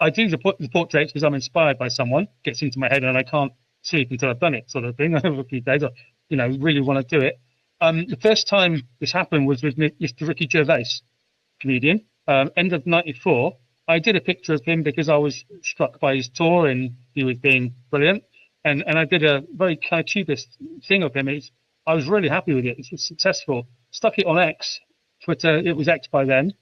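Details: UK adult man who has stammered since about age 5, intense for 20 years, with speech therapy at about age 24 teaching techniques; speech still not perfect; stuttering (stammer).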